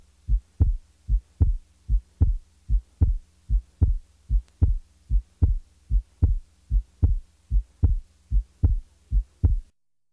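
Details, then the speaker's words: Narrowly split second heart sound, its two components about 30 ms apart, narrower than the 60–100 ms S2–opening snap interval it is contrasted with; regular rhythm near 75 per minute. "now compare a split second sound to that of the opening snap note that the interval of the second sound split is narrower about 30 milliseconds than the distance between the s2 and the opening snap 60 to 100 milliseconds the split second"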